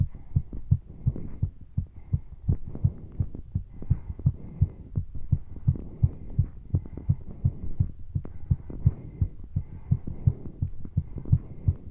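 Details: Fast normal heart sounds during exercise, recorded with breathing sounds deliberately left in: rapid, regular, strong lub-dub beats at roughly 85 to 90 a minute as the heart works to deliver oxygen.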